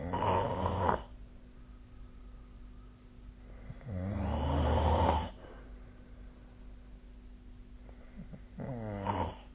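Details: Three loud, rattling, low-pitched snores on breathing in at about 14 a minute, with quiet breathing and faint room hum between them; snoring.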